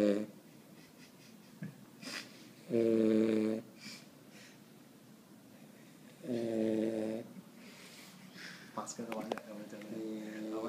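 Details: Loud buzzing snores, about 17 a minute, with quiet breathing between them and faint room noise; snoring.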